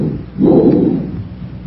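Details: Healthy patient, stethoscope auscultation: single short, hollow, rushing breath sound rising and fading over about a second; bronchial breath sounds, compared with bronchovesicular and vesicular sounds.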